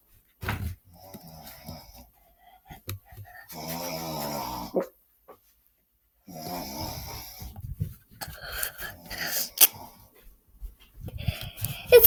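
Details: Mother asleep: loud, rattling snores on in-breaths with quiet pauses between, plus some room noise and movement; snoring.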